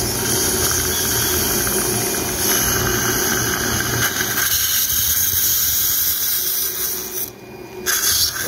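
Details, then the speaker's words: Live pterygoid basal implant surgery in the maxillary arch: drilling further with a 2.5 drill to full working length because the implant was slipping in very hard bone; continuous high-pitched whining and grinding of a surgical drill, with a brief pause near the end. "Okay, so I drill a bit more and drill till the full working length."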